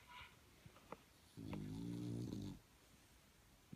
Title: Bulldog puppy ZEUS snoring funny